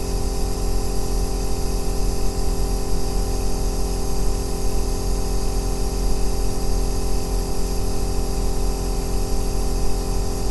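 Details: Steady, deep, unchanging droning hum of an aerosol nebulizer compressor running continuously, recorded as a 2-hour ASMR white-noise track for sleep and relaxation.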